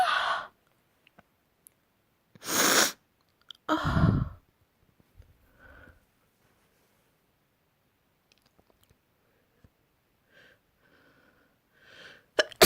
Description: Messy sprayed sneezes = great afternoon